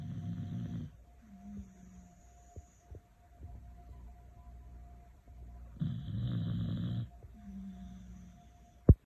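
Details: Sleeping beagles snoring: repeated low rattling snores with some whistly tones from more than one dog over a faint steady hum, ordinary sleep snoring.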